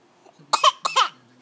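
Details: A young child's deliberate pretend cough: two quick, voiced coughs, a harmless voluntary cough.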